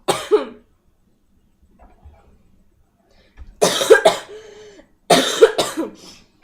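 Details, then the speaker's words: Acted cough by a girl in a staged scene: three short, harsh coughing bursts with pauses between, the last two louder and voiced. "Could you try to, like, hold it in or something? It's a cough. I can't."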